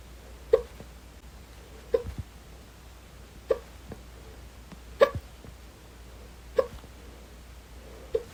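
Six short, abrupt hiccup sounds at irregular intervals, roughly 40 a minute, over steady background hum.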